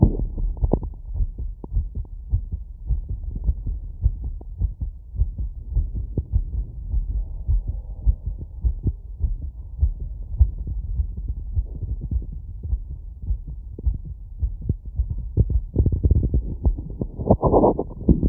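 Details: Fast, strong heartbeat, about 105 beats a minute, after running, heard with a wireless stethoscope at valve areas (pulmonic, aortic, Botkin-Erb's).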